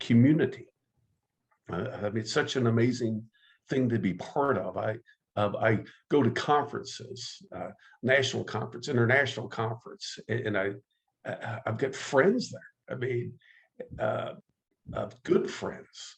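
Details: Adult man who stutters, active in the stuttering support community for over 25 years, with word and part-word repetitions; stuttering.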